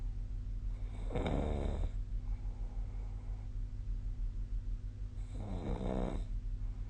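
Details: Two fluttering snores about four seconds apart over a steady low room hum; snoring during sleep.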